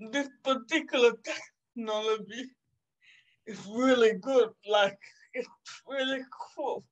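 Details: 27-year-old woman with cerebral palsy caused by severe neonatal jaundice; she was not expected to ever walk or talk; she says it makes her sometimes speak and move differently; dysarthria (cerebral palsy).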